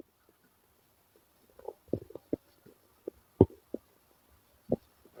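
Irregular gurgling, bubbling rumbles from the belly in a quiet room; ordinary stomach growling from gas and fluid moving through the gut.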